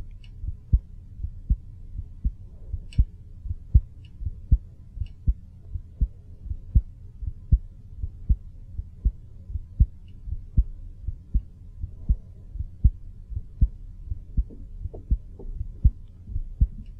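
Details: Regular, low adult heartbeat thumps at about 79 beats per minute, normal. They were recorded in a studio by a microphone half a foot outside the body, with level changes from adjustments during recording.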